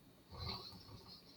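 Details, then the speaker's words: Dog snoring in the background while the owner speaks; snoring. "um if you can hear the snoring that's my dog the little brown spot"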